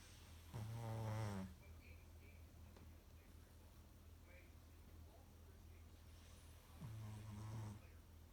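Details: Small dog snoring in sleep, described as snoring like a human: two low, buzzing breaths several seconds apart over faint room hum.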